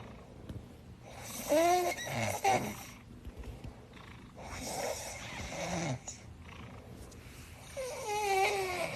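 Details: A kitten in deep sleep snoring loudly, with rough, whistling breaths about every three seconds, roughly 20 a minute: ordinary snoring.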